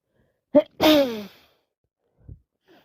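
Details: Worsening common cold with non-stop sneezing, blowing and coughing: one sharp inward catch, then a loud voiced sneeze fading into a sigh.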